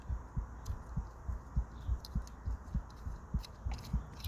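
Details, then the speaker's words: Steady, muffled low thumps of an adult woman's heartbeat picked up by a camera held against her chest, with faint handling clicks. "you can probably hear a heartbeat and when i first saw this i thought it was some edgar allen poe but i realized it was because i was holding the camera between my boobs"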